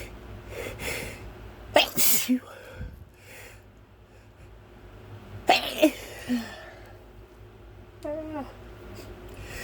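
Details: Two loud, sharp sneezes, each preceded by a brief inhalation, with quiet breathing and a faint high squeak between them; a sneeze.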